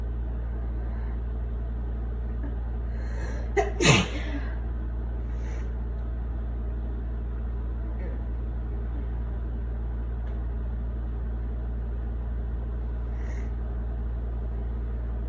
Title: Wet sneezes with breathy buildups